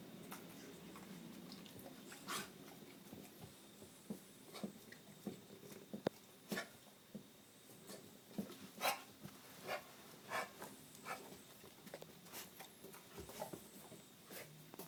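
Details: A dog gives a run of short, soft, dry coughing bursts; owner suspects kennel cough. The cough is worse in the mornings but occurs all day, sometimes with serious hacking.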